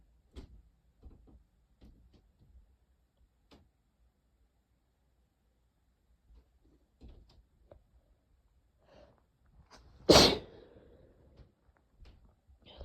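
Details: Quiet sniffles and short breaths, then one loud, sudden sneeze and more sniffling, with light coughing, in a short sneezing fit from a cold caught from a sibling; sneezing.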